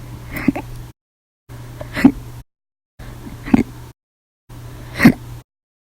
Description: 8/6/19, Violent, Loud, Silent, Minute Hiccups after Breakfast, Lunch, and Dinner Audio Only